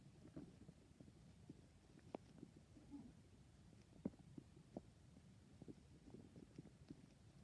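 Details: Low, irregular gurgling and brief clicking pops from a person's stomach: bowel sounds (borborygmi).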